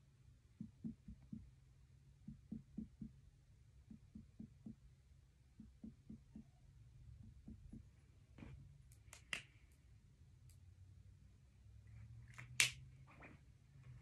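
Soft finger-percussion taps in small groups, moving step by step, then handling rustle; liver percussion with a normal liver span of about 6 cm.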